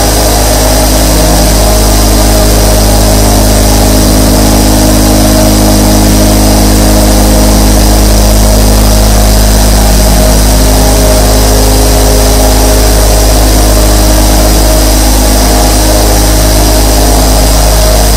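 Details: A sleep ASMR recording of 24 nebulizer compressors running together: a loud, steady mechanical drone with a rapid throb.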